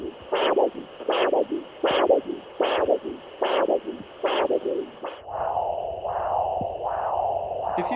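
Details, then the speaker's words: Handheld Doppler ultrasound over a lower-limb artery: whooshing pulse about 77 a minute, each beat with three parts: triphasic arterial flow, suggesting elastic vessels, which can be normal or indicate high blood pressure. "try phasic you'll hear a triple beat per pulse this may indicate pulses abounding and elastic this can be normal or indicate high blood"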